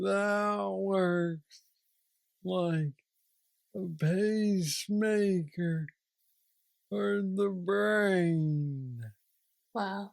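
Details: Man aged 46 with aggressive Parkinson's disease diagnosed at age 35, treated with a deep brain stimulator implant after two years; real patient with Parkinsonian speech (hypokinetic dysarthria).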